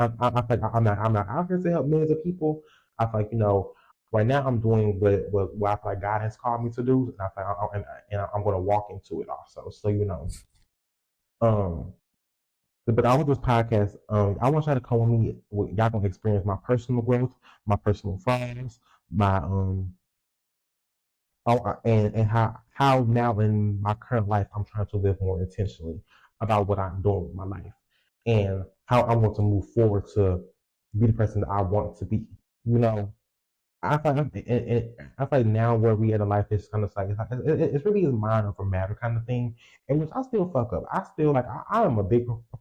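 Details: Stuttering in an adult male podcast host who says he has a speech impediment and has stuttered his whole life.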